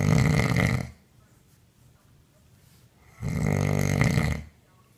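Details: Woman snoring very loudly in her sleep, recorded on a mobile phone by her partner: two very loud, rough, rumbling inspiratory snores with quiet pauses between.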